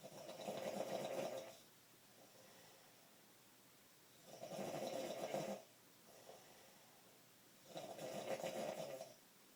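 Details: Loud, rasping snores on each inhalation, three in under ten seconds, with quiet pauses between, from a roommate snoring at night; snoring.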